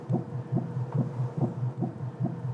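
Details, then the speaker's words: Late-pregnancy ultrasound, head-down fetus estimated at 2.2 kg with its back on the left: rapid, even whooshing beats about 140 per minute, described as a good regular rhythm; normal fetal heartbeat. "On peut l'écouter. Oh, c'est génial. Ok, on a un bon rythme, bien régulier."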